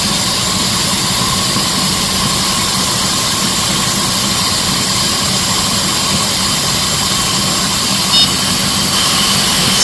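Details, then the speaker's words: QuickSleeper 5 intraosseous dental anesthesia handpiece rotating its needle through bone in a live patient demo; steady high-pitched motor whine; patient told vibration and sound are normal. "i will start driving out by the patient you will feel a little bit vibration and sound don't worry about you feel a little notifications in your heart and today about it it's normal"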